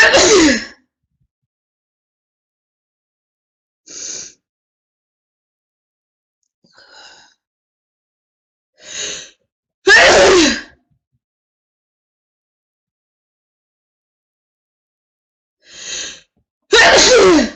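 Repeated loud, explosive sneezes, several with softer intake breaths between them, over about 17 seconds: a sneezing fit.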